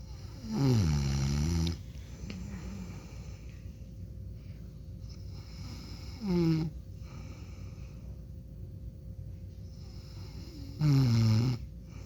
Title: My dad snoring for 1min and 28 sec